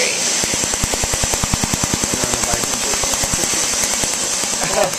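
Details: Laser tattoo removal on a tattoo, near its border; rapid, steady snapping laser pulses about 200 per minute over a constant hiss.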